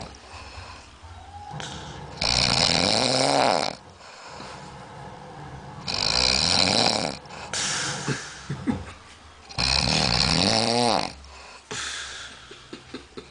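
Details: Heavy snoring from a sleeper compared to an old pig or a seal: loud, harsh, rattling snores on each breath, about four breaths in thirteen seconds, with quieter gaps between.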